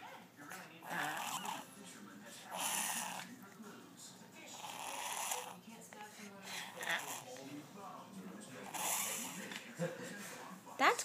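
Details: Dog makes repeated harsh, snorting inward gasps through the nose, a reverse sneezing episode; the vet attributed it to allergies and she is now on an antihistamine.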